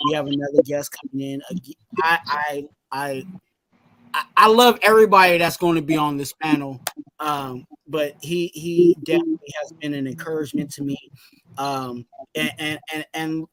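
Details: Adult man whose stuttering was severe in youth, now milder but still audible; stuttering.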